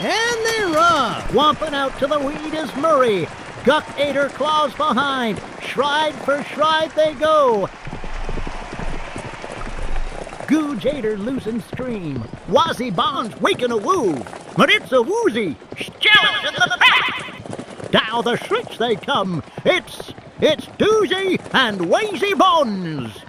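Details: Dramatized case based on a real one, fictional characters: race call by a veteran track announcer after removing new ill-fitting dentures mid-shift, suspected by employer of drunkenness: slurred speech (articulation errors from ill-fitting dentures)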